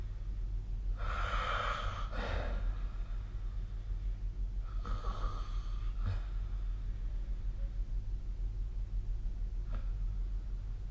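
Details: Two noisy, rasping breath sounds a few seconds apart from a sleeping adult, snoring.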